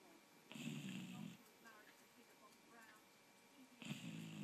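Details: Snoring in Buddy, a four-month-old Golden Retriever puppy fast asleep: two loud rattling snores about three seconds apart, each with a low buzzy inward breath, quiet breathing between.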